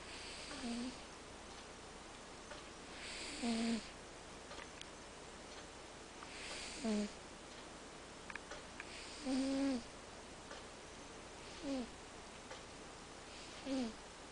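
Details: Sleeping cat snoring: soft, regular snores with a faint whistling pitch, about one every three seconds, in a quiet room.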